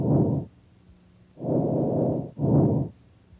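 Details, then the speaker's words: Normal tracheal breath sounds, heard through a stethoscope diaphragm over the trachea: loud, harsh, high-pitched, hollow tubular breaths with clear gaps between breaths. "You should hear tracheal sounds over the trachea. These are high-pitched, loud, and tubular."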